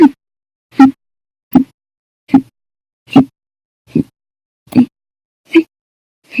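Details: Persistent bout of violent, loud hiccups lasting over 13 hours after eating and drinking soda: nine short, abrupt gulping hiccups, roughly 75 a minute, steady rhythm with silence between.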